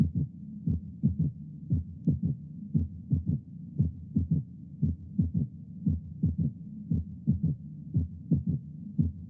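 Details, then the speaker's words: Steady low heartbeat near 60 a minute with an extra soft early-diastolic thud: a right-sided third heart sound (S3 ventricular gallop), heard along the left sternal border, louder with inspiration, associated with right ventricular failure. "habitualmente aumentan con la inspiración y a veces se les oye en corazones normales pero se les ausculta más frecuentemente en la insuficiencia del ventrículo derecho escuché otra vez un tercer ruido cardíaco"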